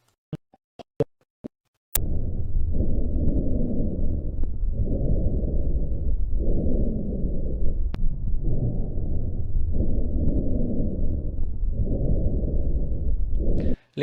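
Low, coarse, snore-like rumbling through repeated breaths: rhonchi from secretions in the larger airways.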